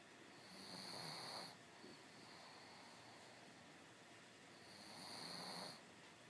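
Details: Sleeping dog: two soft, airy snoring breaths about four seconds apart over steady background hiss; snoring.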